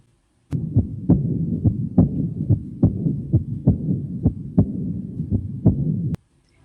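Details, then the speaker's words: Teaching audio of aortic regurgitation: regular heart sounds with a low rumbling Austin Flint murmur filling the gaps between beats, caused by rapid regurgitant flow into the left ventricle. "Também é comum o aparecimento do sopro de Austin-Flint, que é causada pelo fluxo de regurgitação rápido para o ventrículo esquerdo."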